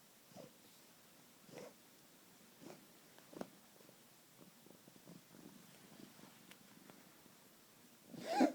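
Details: Pet cat with a cough occurring a couple of times a day, otherwise normal behavior, eating and playing; cause unknown to owner: series of soft, rhythmic hacking bursts about a second apart, ending in a louder, harsher burst; cough.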